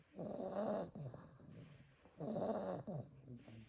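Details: Snoring in a sleeping pile of Staffordshire bull terrier puppies from a litter of 8: rough, growly snoring breaths repeating about every two seconds.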